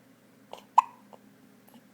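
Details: Newborn baby with hiccups: a few soft, brief catches in a quiet room and one sharper, squeaky hic.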